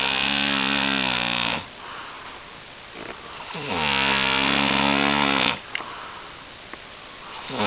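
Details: Person snoring again, keeping the recorder awake: loud, harsh, rattling snores, two long buzzing breaths with quieter pauses between them.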